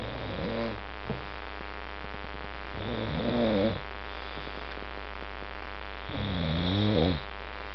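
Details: Man snoring loudly enough to wake his roommates: two long, rattling snores on the in-breath, about 3 seconds apart, over a steady low hum.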